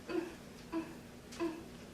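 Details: An adult imitates newborn expiratory grunting, the hallmark sound of lung tissue disease: three short, soft voiced grunts at regular intervals, in a PALS training lecture.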